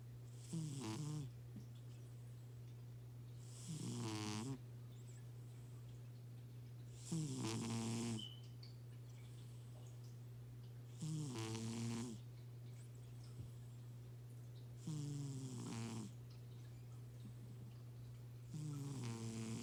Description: A very tired cat snoring loudly.😊